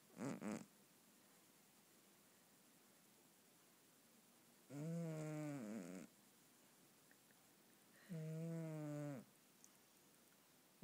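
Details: Male cat snoring while asleep: low, rattling snores with breaths a few seconds apart; ordinary, harmless snoring.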